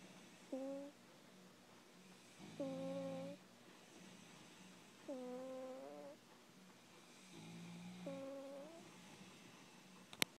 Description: Orange kitty snores